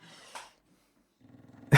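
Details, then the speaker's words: Pet dog snoring loudly in the background. "Oh, wow. Can you hear my dog snoring really loudly?"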